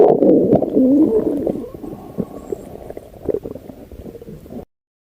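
Gurgling, rumbling bowel sounds through a stethoscope on the abdomen, typical of normal active bowel sounds.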